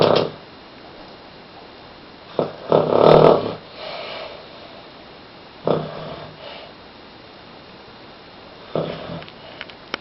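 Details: Three loud, rough, rattling snores spaced a few seconds apart, with quiet between breaths, from a sleeping subject; snoring.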